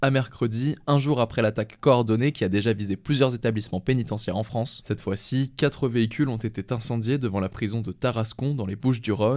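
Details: Adult male speaker; Normal speech.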